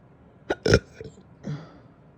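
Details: After breakfast, following big burps: a few short, abrupt throaty jerks with a burp-like quality, the second the loudest; hiccups alongside burping.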